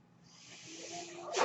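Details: Real podcast recording in which the speaker explains that the noise heard is his own mechanical ventilator; a steady airy hiss builds over about a second with a faint hum, then ends in a sharp puff as a breath is delivered; mechanical ventilator noise.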